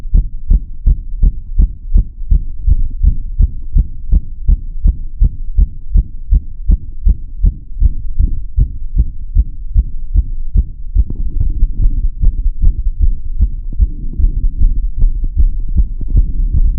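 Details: Steady, deep, regular heart thumps recorded through a stethoscope, with audio tweaks that make them sound heavy and pressing: heartbeat.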